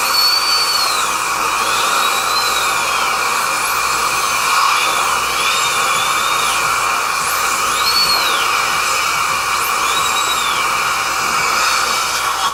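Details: Real dental drill recorded from the patient's position: steady high-pitched whine rising and falling in pitch, with constant hissing beneath, possibly from the suction tool.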